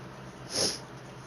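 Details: A single sneeze from a sneezing compilation: one short, sharp, hissing burst of air against quiet room noise.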